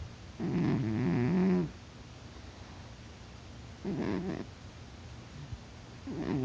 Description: My cat Dillon snores when he's in a deep sleep. Despite my poking, he won't wake up, and gets louder as the video progresses.